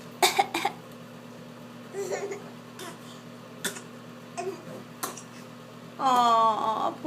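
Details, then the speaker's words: Young child with a bad cough: several short, harsh coughs followed by a brief cry at the end. "whoa poor baby got a bad cough"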